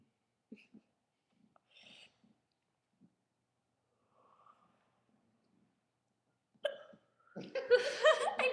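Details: Woman with hiccups: faint brief catches of breath repeating several times in a quiet room, followed by laughter; hiccups.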